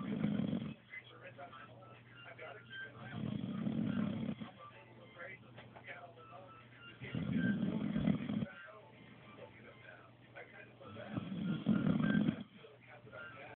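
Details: Person snoring loudly "like a drill" during sleep: rattling snores on each breath, about 18 breaths a minute, with quiet pauses between.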